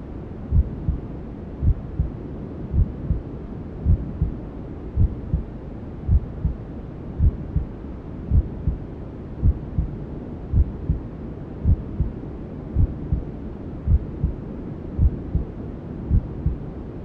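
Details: Newborn sleep ASMR: steady muffled double-thump maternal heartbeat, about 54 a minute, under constant soft whooshing white noise, like womb sounds heard from inside.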